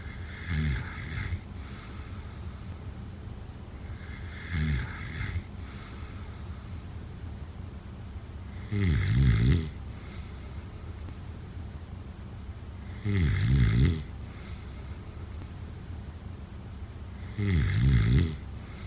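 Regular low, fluttering snores on each breath, about 14 breaths a minute, with a faint room hum; snoring.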